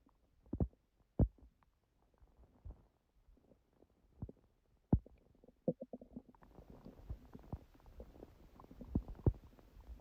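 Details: Stomach growling recorded at 1:30 after waking, following an overlarge udon dinner at 19:30; the owner suspects a reaction to gluten after a long break. Irregular gurgling, some low and drawn out, others short bubbly pops: borborygmi.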